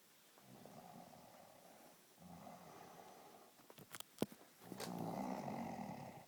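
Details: Snoring.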